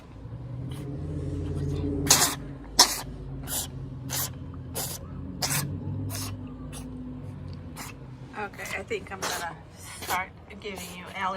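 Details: Cat sneezing about ten times in quick succession, sharp bursts of air with snorting; owner suspects mucus blocking his nostrils, mentions allergy medicine, then cleans his nose; low room hum and quiet talk.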